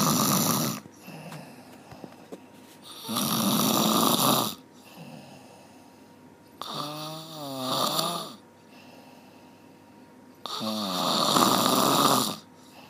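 Loud rasping snores alternate with quieter tonal breaths, about 16 breath sounds a minute, in a small quiet room: snoring.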